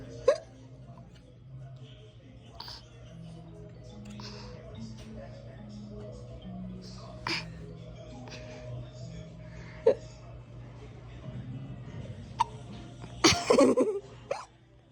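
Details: Infant girl laughing while having hiccups: several short, sharp gulping catches at irregular intervals over background music; infant hiccups.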